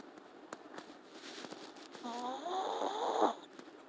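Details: Long-haired teacup Chihuahua asleep, giving one drawn-out, buzzing, slightly whistling snore after a few soft clicks and quiet breaths; ordinary snoring.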